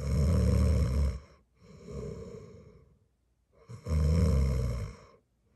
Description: I'm doing fine. My snoring isn't that loud today.